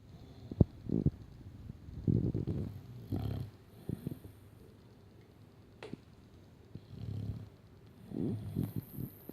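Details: Loud, rough, irregular snorting snores with rumbling breaths from a sleeping Staffy dog; snoring.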